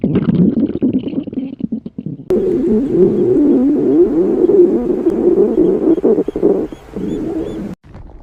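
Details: Loud gurgling, bubbling stomach growls with a long rolling rumble; normal borborygmi from gas and fluid moving through the gut.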